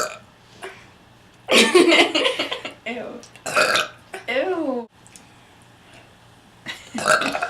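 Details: Girl gives long, loud, deliberately forced burps with a rough, gurgling quality after drinking Coke, separated by quiet pauses; voluntary burping.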